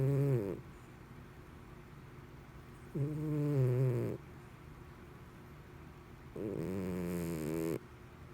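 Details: Domestic cat snoring while asleep: loud, rough, low human-like snores on each breath, about three in eight seconds with quiet gaps between.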